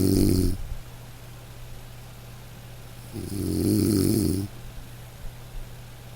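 Soft, low snores on breathing in, two in six seconds, over steady light rain; gentle snoring of a sleeping dog.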